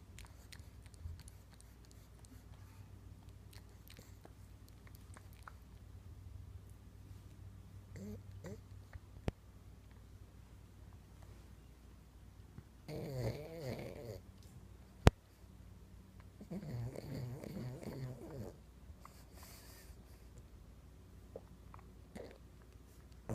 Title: Sleeping pug twitching and snoring